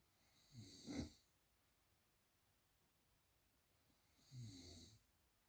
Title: How can one sleep with these snoring sounds???